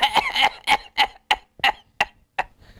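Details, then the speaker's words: Adult imitates the paroxysmal cough of the homeopathic remedy Corallium, about eight harsh, rapid, violent coughs with almost no breath between them, said to be more violent than the similar Drosera cough. "So Corallium and Drosera both have got that paroxysmal cough, but the violence is more of Corallium."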